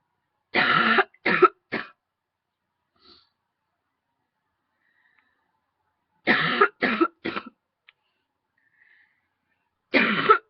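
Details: Three bouts of short, dry, hacking coughs, two to four each with quiet gaps, from a big throat tickle; repeated coughing.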